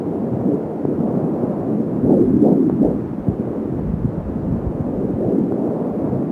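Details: Fetal heartbeat at 16 weeks of pregnancy heard through an Angel Sound home fetal Doppler, with rapid galloping whoosh-thumps near 170 beats a minute.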